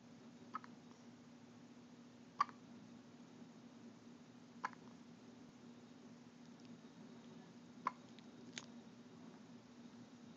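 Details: Brief sharp hiccup clicks recurring every two to three seconds over a steady room hum; hiccups.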